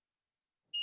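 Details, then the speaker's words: Omnipod DASH insulin pump advisory alarm, a lower-priority alert of intermittent beeps from the pod and/or PDM: near silence, then a single high-pitched electronic beep starts at the very end. "Les alarmes d'alerte sont des alarmes de plus faible priorité qui vous informent d'une situation qui nécessite votre attention. Les alarmes d'alerte émettent des bips intermittents qui proviennent du pod et ou du PDM."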